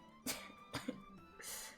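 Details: A few short, harsh coughs from an adult streamer sick with COVID, with hoarse voice, over background music and game sounds.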